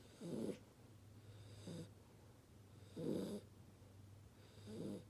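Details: Soft, fluttering snorts on each breath, about four in five seconds, over a low hum from a sleeping 2-month-old Chocolate Labrador puppy during outside fireworks; snoring.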